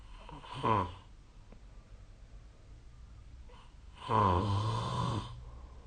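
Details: Sleep snoring recorded on 2025/04/07: two rough, throaty sleep breaths with a vibrating flutter, separated by quiet. Consistent with snoring.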